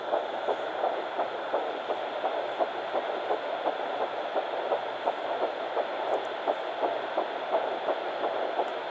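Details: Home fetal Doppler at 9 weeks 6 days, twin Baby A found on mother's left side after days of searching: steady pulsing about 170 beats a minute through heavy hiss; early fetal heartbeat.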